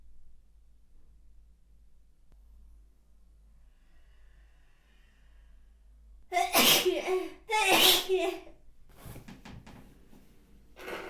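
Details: Two loud, voiced sneezes in quick succession after a quiet stretch, then soft rustling; sneeze.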